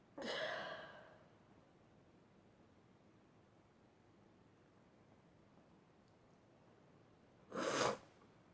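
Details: A girl sneezes twice, several seconds apart, in a quiet room: sudden bursts of air with a voiced onset.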